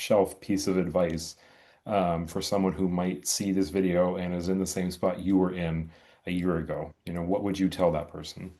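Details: Adult man speaking; ordinary speech.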